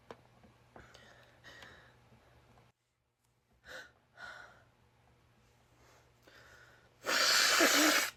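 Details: Girl sneezing: several quick catching in-breaths build up, then a single loud, explosive sneeze.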